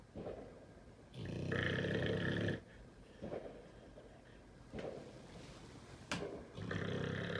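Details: Pitbull dog sleeping soundly through fireworks: loud, rough rumbling snores with quieter breaths between, over crackling firework background noise; heavy snoring.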